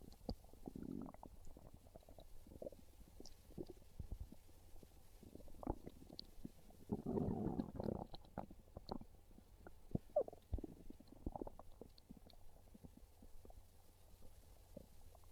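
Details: Hungry stomach growling: low gurgling rumbles and squelches from the belly with one longer growl midway; normal hunger borborygmi.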